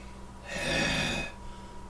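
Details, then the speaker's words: Demonstration of a deliberate deep hacking cough to clear inhaled food or liquid from the lungs, done bent over, hands on knees, after a really deep breath: one forceful, breathy burst. "is going to show you how to do a deep hacking cough so that you clear out your lungs"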